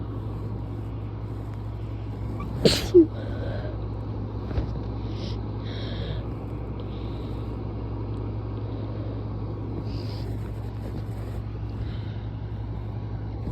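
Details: Strong sneeze that was followed by a bloody nose: a sharp, forceful sneeze with a quick second burst, then a steady low engine-like rumble.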